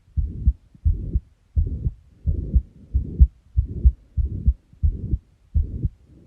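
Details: Heart murmur: a regular heartbeat of about 92 a minute with a whooshing noise filling each beat.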